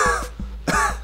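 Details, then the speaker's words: Adult weightlifter, 211 pounds, still sick and short of breath, demonstrates a lingering wheeze: two breaths with a musical whistling tone over a steady beat of background music. "And as far as that is going, I'm still sick. I still have a bit of a wheeze, so like,"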